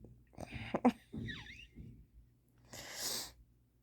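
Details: Person who just woke up with sudden, very strong hiccups: brief voiced bursts and a breathy expulsion at the end, consistent with a small sneeze.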